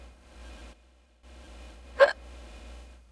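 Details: Simulated hiccup: an AI-generated imitation of a female character hiccuping while live-streaming, one abrupt hiccup over a steady low background hum.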